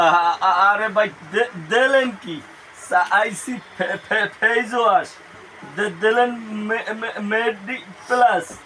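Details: Adult male speaker, acted comedy sketch; stuttering (acted).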